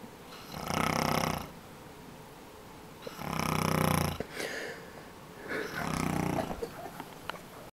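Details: Adult man snoring in sleep, loud enough to be heard through walls and doors: three loud, rough, rumbling breaths about every two and a half seconds, roughly 24 a minute, with quiet gaps between.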